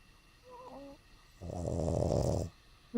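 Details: An awake dog, eyes open, gives a brief squeaky whine, then one loud, rough, rattling snore-like breath: snoring while awake.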